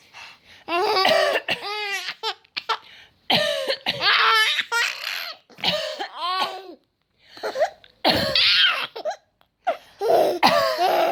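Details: Mother's repeated harsh cough bursts, with her infant son's high, bubbling laughter overlapping and following each bout; a plain cough.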